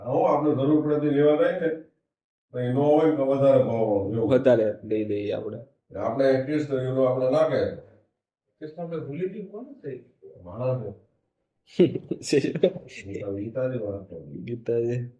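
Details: Adult man who stammers, practising daily in a fluency series (Day 17), in a recorded Gujarati conversation with his father; stuttering.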